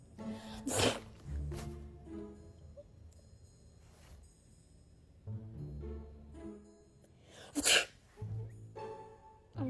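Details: Two sharp, deliberately faked sneeze-like bursts made by a person around a cat, over background music; imitation sneeze, not real.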